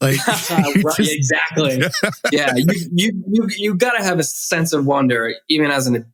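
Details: Adult male author and DJ who grew up with a stutter and was bullied for it, with the stutter still present as an adult: stuttering.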